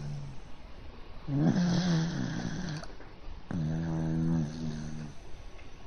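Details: Two slow, buzzing, low-pitched snores from a pet dog sleeping on its back on its owner's arm, a position in which it tends to snore: ordinary snoring.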